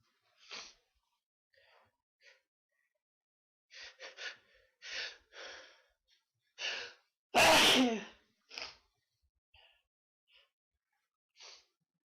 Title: Sneezes